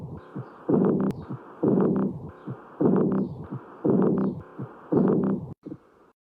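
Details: Normal heart sounds (S1 and S2) at about 56 beats a minute, regular, with a strong first sound and softer second; third and fourth sounds not audible.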